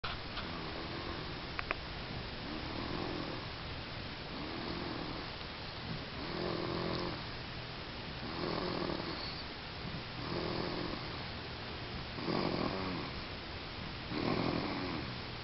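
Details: Soft, rhythmic rattling snores, about 28 a minute, over steady room hiss; snoring.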